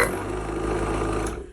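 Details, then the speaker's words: Portable suction machine turned on with the tubing removed during troubleshooting to check for suction at the unit: a steady loud motor hum with a rough buzzing rattle. "Just take it off here. Turn it on. See if they have suction."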